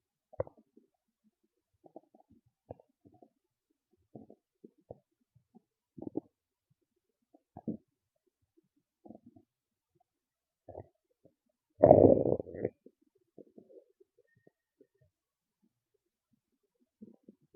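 Scattered low gurgles and rumbles with one louder prolonged growl; ordinary stomach growling (borborygmi), a normal digestive sound.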